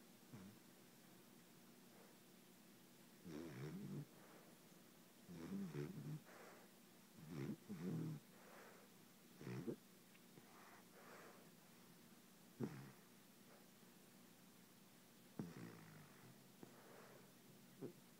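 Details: Female dog snoring at night while asleep, loud enough to keep the owner awake: soft, irregular low rumbling snores roughly every few seconds over quiet room noise; snoring.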